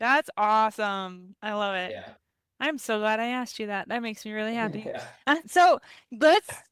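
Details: Adult woman speaking; Normal fluent speech.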